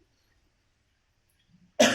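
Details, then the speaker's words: Near silence, then a faint breath and one sudden, harsh cough cut off abruptly, from an adult with a cold; a single cough. "excuse me, I have been had a cold, so I'm sorry about my voice and coughing and carrying on,"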